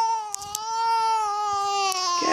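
A sustained, high-pitched wailing cry from an infant, steady and tonal, with faint room noise.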